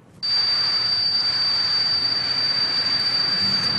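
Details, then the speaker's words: Tinnitus simulation: steady high-pitched ringing tone over faint hiss, representing constant ringing in the ears, described as a symptom rather than a disease. "not a teapot that is tinnitus ringing oh it's your ringing in the ears actually different kinds of sounds"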